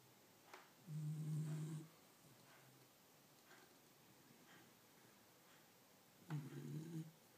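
Two low rumbling snores about five seconds apart, with soft breathing between them: snoring.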